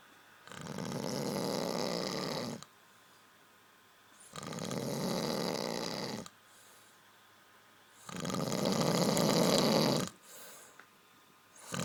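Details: Person snoring: loud, rough snores recur about every four seconds, roughly 16 breaths a minute, with quiet gaps between.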